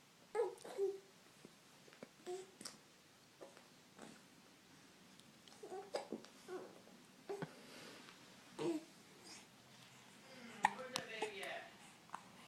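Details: Hiccups while chatting and softly babbling: quiet, short, abrupt catches about every one to two seconds.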